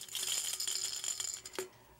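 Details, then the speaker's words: Homemade high-frequency noisemaker for testing an infant's hearing, either a mayonnaise jar with macaroni or an aluminum soft-drink can with six safety pins: a bright, high-pitched rattle when shaken. "this is just a mayonnaise jar with a handful of macaroni but listen it makes a nice high frequency sound"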